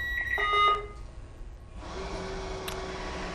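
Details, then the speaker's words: Ventilator power-on beep from a Philips V60 BiPAP/CPAP machine (for patients over 20 kg): a short run of electronic tones, then a steady low hum as it powers on before standby. "So we're going to turn on our BiPap."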